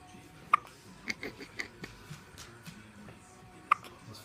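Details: Hiccups: a few short, sharp catches spaced a few seconds apart, two clearly stronger, over faint room noise.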